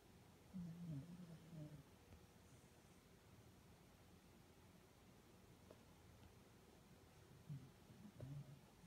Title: Snoring